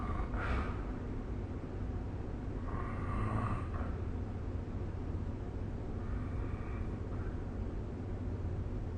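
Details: Snoring during sleep recorded with the SnoreLab app.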